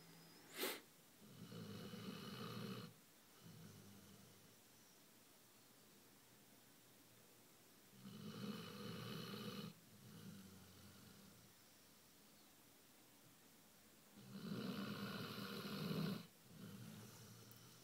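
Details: Basset hound asleep: loud, rough snores on each in-breath, about three, with quiet out-breaths between, roughly ten breaths a minute: snoring.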